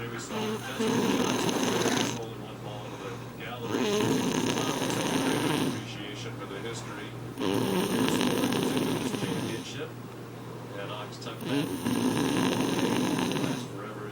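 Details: Sleeping grandmother: loud, long, rattling snores on each breath, roughly every three to four seconds, with some background noise; heavy snoring.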